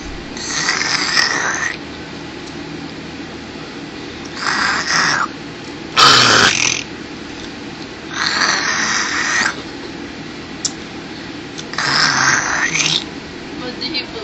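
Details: Someone imitating snoring to make fun of another person: five breathy, hissing snore-like sounds every two to three seconds, with a rattling one in the middle; fake snoring, not real sleep.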